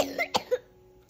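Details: Cough from a COVID-19-positive adult: a single short, sharp cough burst.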